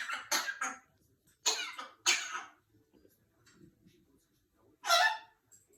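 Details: African grey parrot, not sick, fooling around, gives six short, harsh, cough-like bursts in a quiet room: imitated cough, parrot mimicry.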